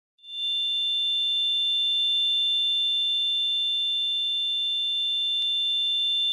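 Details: Simulated tinnitus: a steady, high-pitched continuous ringing tone made as a sound effect.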